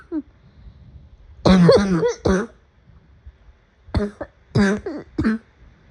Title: Afternoon coughing fit